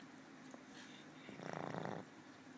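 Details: Old female pug that snores all the time and sleeps except at food time: one rattling, buzzing snore with a soft breath noise in the background; snoring in a flat-faced dog.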